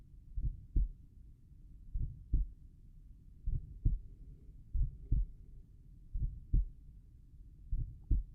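Slow, steady lub-dub heartbeats at about 40 a minute, with clear paired sounds and quiet gaps between them. These are normal heart sounds at rest.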